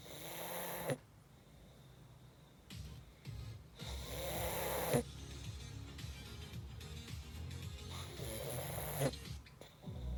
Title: Best snoring sounds ever